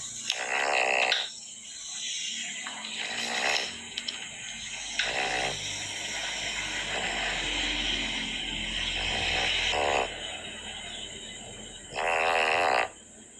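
Loud rattling snores recurring every few seconds with a fluttering, vibrating quality on each breath, over steady background hum.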